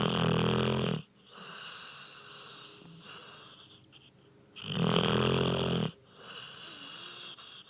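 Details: Sleeping dog: two very loud, rough, rattling snores about four to five seconds apart with quieter breathing between; heavy snoring.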